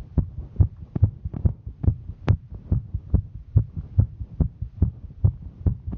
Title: Female Hiking Heartbeat